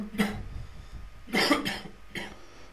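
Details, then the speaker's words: Demonstration of a productive wet cough in an ENT lecture on laryngitis: three loose, rattly coughs with mucus, a cough bringing up phlegm, contrasted with a dry cough. "حاجه في النص كده اهي في مخاط بيطلع مع ايه مع الكحه دي اسمها كحه ايه كحه ببلغم او كحه ايه برودكتف كاف"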